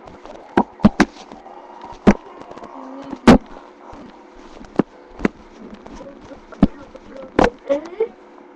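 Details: Irregular sharp pops and clicks mixed with brief low gurgling and rumbling tones; stomach growling (bowel sounds, borborygmi).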